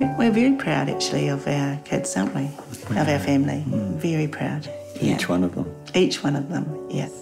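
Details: Adult speaker; ordinary speech.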